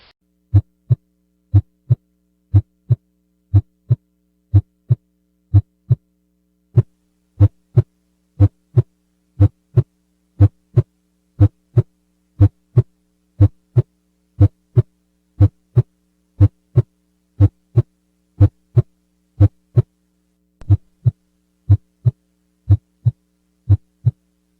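Regular paired lub-dub heart sounds at about 60 beats a minute over a steady low hum; the second sound of each pair is S2, normal.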